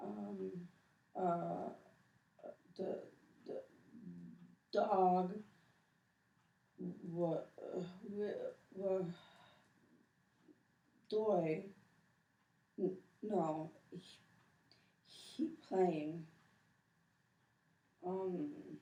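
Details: Man, 28, after hemorrhagic stroke following head injury, describing a picture in aphasia battery testing; severe nonfluent, effortful, telegraphic speech with anomia, paraphasias, fillers, articulatory groping and initiation difficulty; severe Broca's aphasia with severe apraxia of speech.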